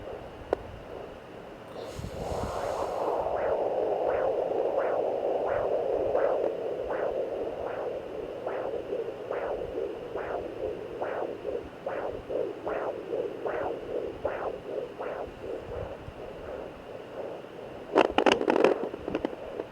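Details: Fetal heartbeat at 9 weeks 2 days on a home fetal Doppler: steady rhythmic whooshing pulses over Doppler hiss.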